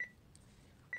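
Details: Baxter peritoneal dialysis machine being programmed for CCPD (10 L total volume, 10 h, 2 L fills): two short high electronic keypad beeps about a second apart with a faint click between.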